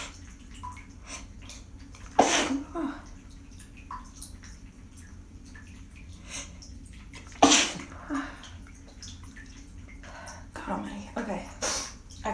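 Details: Several sneezes after holding them back, a loud one early, another mid-clip and smaller ones near the end, by a stuffed-up person using steam in a quiet, echoey small room with dripping water.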